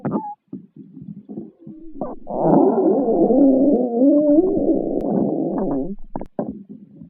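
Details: Low gurgling rumbles build into a sustained, wavering, squeaky growl of a few seconds, with short gurgles around it: stomach growling (borborygmi).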